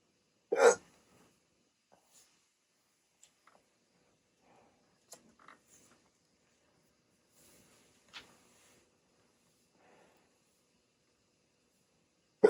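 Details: Adult sleep apnea patient on CPAP, rare 16-minute hiccup attack after waking from sleep with the mask: a sharp hiccup, then several faint catches and small hiccups over a quiet stretch.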